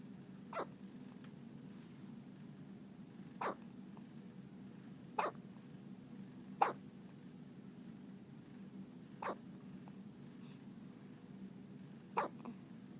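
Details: Soft, sharp little hiccup clicks about every one to three seconds, six in all, over a quiet background hum; hiccups.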